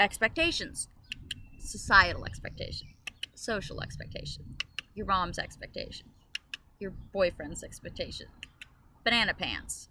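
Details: Woman with Tourette syndrome, out-of-context interjection mid-sentence; vocal tic (Tourette syndrome).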